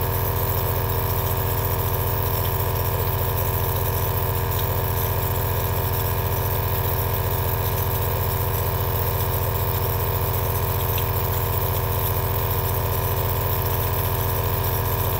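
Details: Aerosol nebulizer compressor running continuously: a steady, low mechanical drone with a fast, even pulsing hum throughout.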